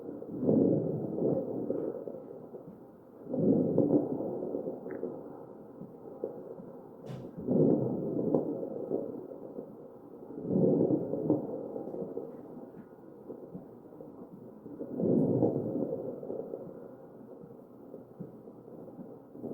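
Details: Real mechanically ventilated patient's chest sounds: ventilator-driven breaths about 16 a minute carrying crackling pops, crackles.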